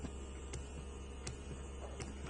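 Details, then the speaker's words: Zomee Z1 breast pump running in massage (letdown) mode, slower suction: steady low motor hum with faint periodic ticks. "So on the this is the massage mode first, and it's still a slower suction, so"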